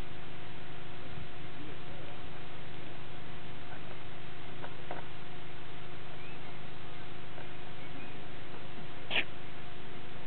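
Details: Goat in the Mongolian Gobi, left behind after a thunderstorm: a single brief, sharp snort-like sneeze near the end over steady outdoor hum and wind noise.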